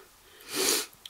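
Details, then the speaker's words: Single sharp, hissing sneeze from a 29-year-old Dutch woman who suspects she is catching flu, maybe only a cold, feeling tired and hot and cold at once. "I have a feeling that I'm catching up with a flu a little bit so oh well maybe maybe it's not and it's only just a cold"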